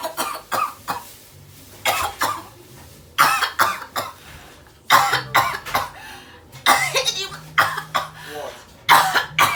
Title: 🔥#PRANK 😱On TWIN BROTHERS (#Coughing out blood🩸) #Knowing who’s more caring😊) #twins #brother